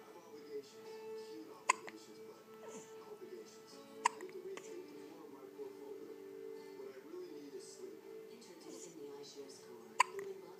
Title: Baby hiccups